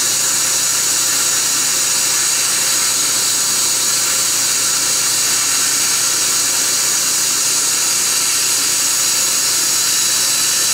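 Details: Steady loud high-pitched hiss and whine of dental laser and instruments during laser-assisted root canal on upper bicuspid #12: laser access, canal debridement, disinfection and drying of canal before sealing.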